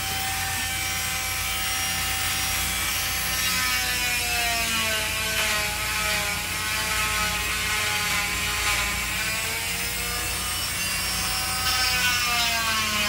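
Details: Steady high buzzing whine shifting pitch as the blade loads and rubs: an oscillating cast saw cutting off a cast after an ankle fracture.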